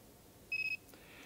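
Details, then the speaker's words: MR4 laser stimulator emitter head scanned over a patient's skin: four quick high-pitched beeps as the emitter picks up a drop in skin impedance and the light turns red, signalling to stop and treat at that point. "as we hear there there was a drop in impedance the emitter had picked up that impedance droppage and you can see the light has turn red that tells us to stop at that particular area"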